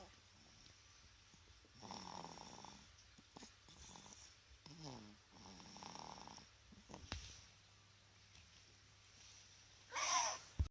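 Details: Sleep snoring: soft, recurring snoring breaths with slight nasal flutter about every two seconds, ending in a louder snort.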